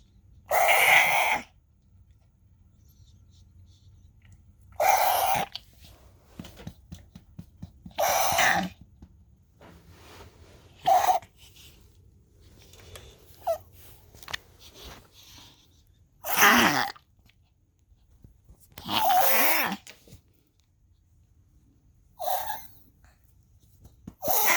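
A dog gives about seven harsh, forceful coughing bursts, spaced a few seconds apart, in a quiet room.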